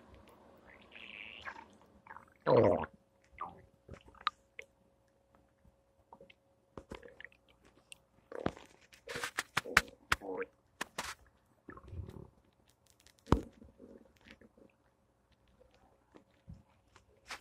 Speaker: Thursday morning stomach noises.